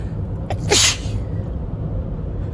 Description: driving to work and had a tickle in my nose i had to let out, imagine you’re riding next to me in the passenger seat and i can’t stop sneezing what would you do?